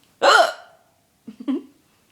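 A child's sudden, squeaky voiced hiccup, followed by a brief softer vocal sound.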